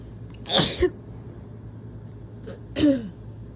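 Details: Two forceful, explosive sneezes about two seconds apart, each with a harsh burst of air and a voiced tail, deliberately induced by a person who is sick; very strong sneezing.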